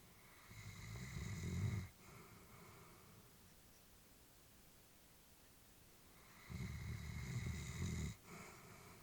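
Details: Elderly female Labrador sleeping peacefully, with slow, rattling inspiratory snores, two over nine seconds, and quiet pauses between; snoring during sleep, recorded while the family was worried about her.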